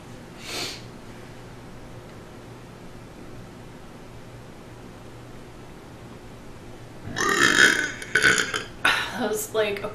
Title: Athletic Woman Burping | Girl Burp | Burp Compilation | Burp Clip 9